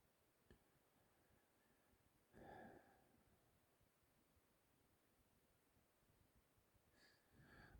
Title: hiccups again